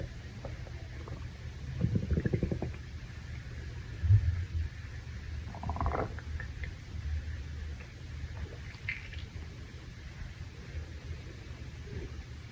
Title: Male stomach growl after Shower